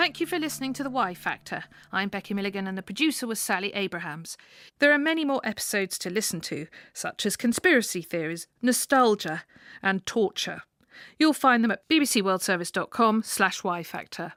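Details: Adult female speaker; fluent speech.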